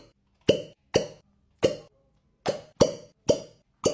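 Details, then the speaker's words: Fire cupping therapy, where fire creates a vacuum in glass cups that suck up the skin: seven sharp, hollow pops at irregular intervals as the cups are released from the skin. "Fire is used to create a vacuum inside the glass cups which then sucks the skin up believed to draw out toxins. The best part, listen to that satisfying pop sound on release."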